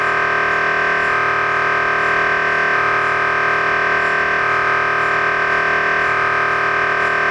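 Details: MRI scanner noise: a loud, steady electronic droning tone with a pitch shift about every second, as the scanner runs a sequence.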